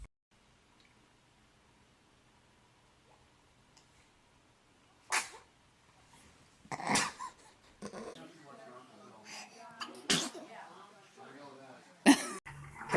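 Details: Infant: several short, sharp sneezes after a quiet stretch, with soft vocal sounds between them.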